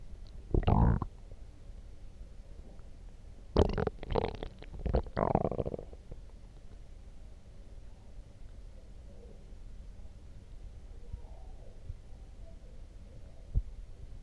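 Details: Stomach growling after drinking coffee: loud low gurgling and rumbling bursts over a few seconds, then quiet, normal borborygmi.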